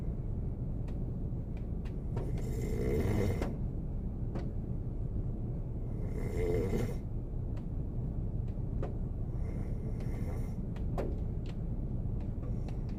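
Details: Korean man sleeping in a car on a snowy day: three or four rough snoring breaths over a steady low rumble, with scattered clicks.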